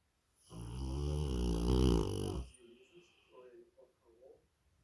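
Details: Snoring in a sleeping big dog, Rottweiler or Labrador Retriever: one long, loud, rumbling snore on an in-breath, followed by quieter snuffling breaths.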